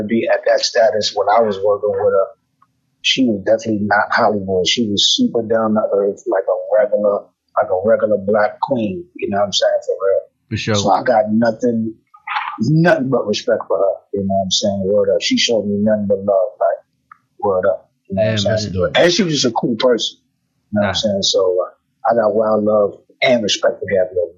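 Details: Adult male rapper with self-described bad stuttering inherited from both sides of his family (father and maternal grandfather stuttered); stuttering.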